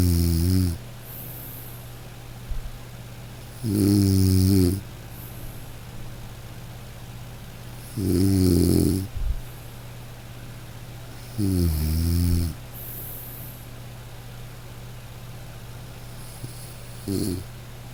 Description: Close your eyes and listen to snoring Breath Relax …